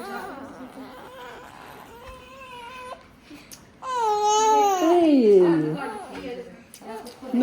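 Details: Newborn baby with hiccups crying: whimpers build into a loud, rising-then-falling cry lasting about two seconds, adult voices murmuring in the background.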